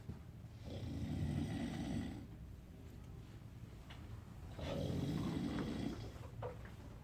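Two loud, rattling snores on slow breaths in, separated by quiet pauses.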